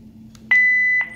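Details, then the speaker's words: Philips DFM100 defibrillator: clear single high-pitched electronic beep as the mode switch moves between adult and child (pediatric) mode. "and one more thing I have to tell this is nothing but one switch rate so it have adult as well as products suppose I am going to switch it it will be comes from in full-time child Can You observe right"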